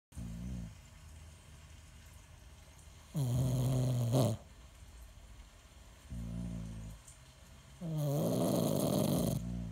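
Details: Two sleepers in a snore battle: loud, deep, rattling snores alternate with softer, lower snores, about one every one to two seconds. Snoring.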